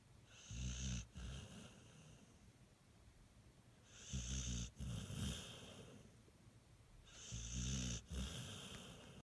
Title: Cute pit bull snoring while smiling